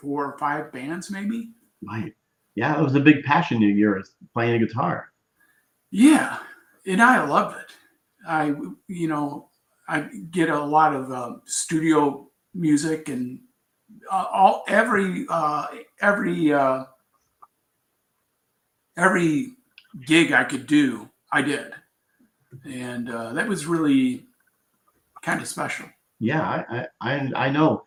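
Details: Adult man with aphasia and word-finding difficulty after a traumatic brain injury from a bicycle accident about four years earlier, which left him in a coma; he is still recovering speech; aphasia.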